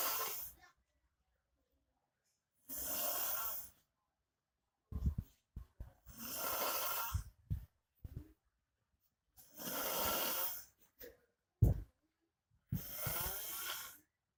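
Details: Man sleeping on the floor tile snoring very loudly: loud rasping snores on each breath, about five in fourteen seconds, with snorting sounds between; noisy upper-airway vibration during sleep.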